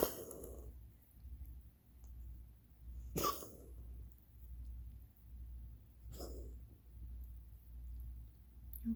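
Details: Pet Hugo, owners suspect asthma, recorded to show the vet: three short, harsh cough bursts about three seconds apart over a steady low hum; cough.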